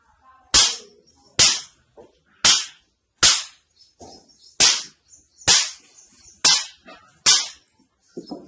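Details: Orthopaedic doctor treating a patient's spine problem with a hammer-type instrument on the back: eight sharp, loud cracking impacts about a second apart during spinal manipulation.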